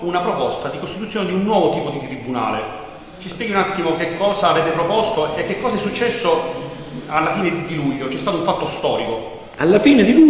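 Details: Adult speakers in conversation; typical voice.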